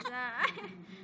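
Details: 2-month-old baby boy crying to get milk from his mother: a brief, thin infant whimper rising into a short cry, then trailing off.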